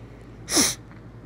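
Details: A single sharp, hissing sneeze with a quick intake before it, from an adult who says they are sick with a raspy voice, in a quiet room.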